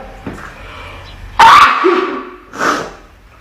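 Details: A quick indrawn breath, then a single sharp, forceful sneeze with a brief trailing sound, from a compilation of girls sneezing with allergies or colds; a sneeze.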